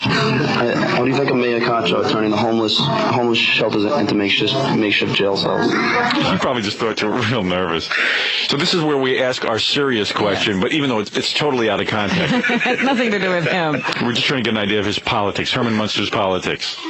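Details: Adult male speaker; no speech disorder.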